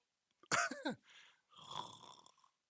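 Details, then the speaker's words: Loud snoring from a man who unknowingly fell asleep for 30 minutes during a live stream: harsh rattling snorts on inhaling, then long noisy breaths. This is a 1-minute excerpt of the recording. "I slept for 30 minutes without knowing that I actually fell asleep, and I was snoring the hell out of it. The whole snoring noises, you could hear them."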